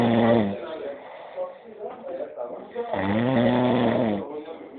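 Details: Snoring after two large drinks: two long, loud, buzzing snoring breaths with a strong tonal drone and a quieter pause between them; heavy snoring.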